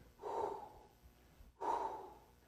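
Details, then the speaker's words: Two breathy blowing sounds, each starting loud and fading away. A spoken imitation of a decrescendo diastolic murmur. "there are decrescendo murmurs and then decrescendo crescendo so decrescendo murmur will sound like this"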